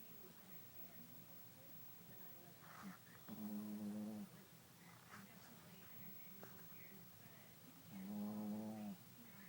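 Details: Pet Shih Tzu dog asleep: two long, rattling, buzzing snores on the in-breath over a few seconds, with quiet breathing and room noise between; habitual snoring.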